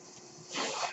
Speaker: That noise you're hearing is my ventilator.